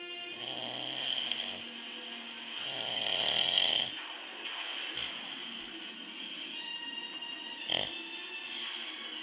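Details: Snoring of an adult man (dad) while asleep: rough, rattling snores with each breath in, over a television or music in the background.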